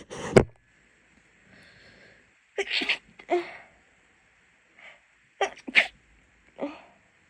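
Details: Adult female with a cold at university, unable to stifle: several forceful sneezes in quick succession, some preceded by a sharp in-breath, over steady room hum: a sneezing fit.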